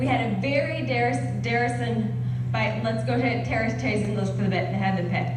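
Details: Real, sudden transient aphasia caused by a migraine in a female TV newscaster at an awards ceremony, preceded by a male newscaster's voice handing over; transient fluent aphasia with paraphasias (migraine-related).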